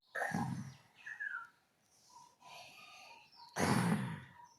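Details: Little girl faking sleep out of fear of having to eat or drink water, making two loud, rough snorting breaths a few seconds apart: imitated snoring.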